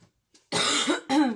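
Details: Cough.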